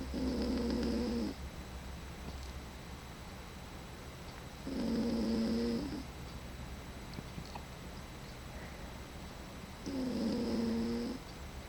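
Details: Snoring during sleep: three long, low, buzzing snores about 5 seconds apart, roughly 13 a minute, with quiet breathing between them.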